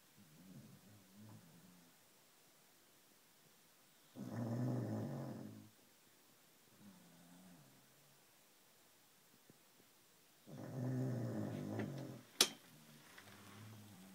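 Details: Sleeping dog: two loud, rough snores about six seconds apart, with softer breathing between and a sharp click near the end; snoring.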